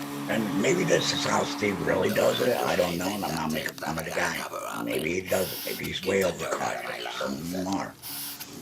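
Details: Man who implies he is a laryngectomee; alaryngeal speech (laryngectomee)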